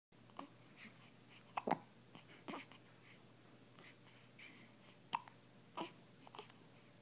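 Brief sharp catches recurring irregularly over quiet room noise, about three in seven seconds; hiccups.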